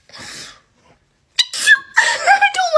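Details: Child's acted, exaggerated fake sneeze: breathy hiss, pause, then sharp drawn-out voiced burst.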